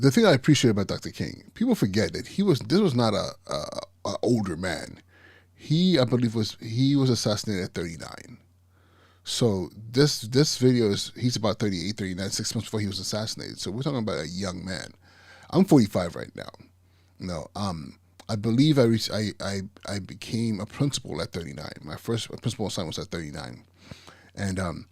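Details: Adult podcast host with persistent stuttering that he says never goes away and is not anxiety-related; he warns listeners will catch his stuttering speech patterns. Stuttering.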